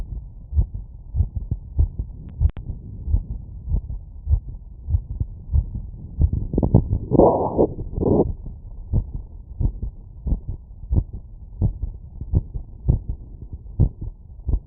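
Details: Fast, regular, strong heartbeat through a stethoscope after exertion, around 100 beats a minute, a normal heart response to workload.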